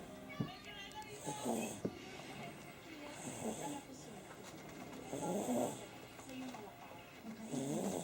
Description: cute baby snoring while sleeping